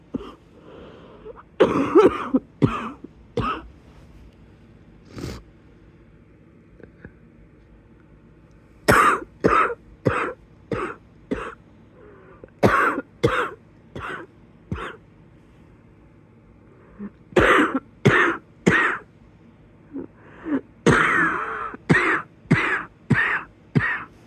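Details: Wheezy cough in bed at the beginning of the cough: repeated bouts of harsh tight coughing, roughly 25 coughs in clusters, with a wheezy edge in places.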